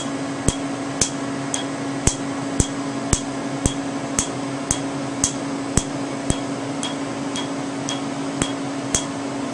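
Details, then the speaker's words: Sharp regular snaps, about two per second, over a steady hum: Q-switched laser, 2–4 mm spot, striking tattoo ink; snaps are louder on untreated ink. Patient is in moderate pain despite topical anesthetic. "listen to the snap and the areas that have not been treated yet today and then you'll notice is that if i try to go over an area that's been treated you don't hear the snap as much because the laser beam has already been absorbed into those tissues"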